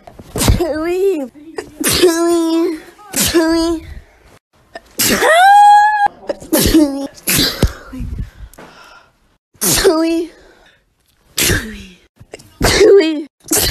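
Several sharp bursts, some with a high drawn-out voiced squeal, repeated across the clip; a string of sneezes.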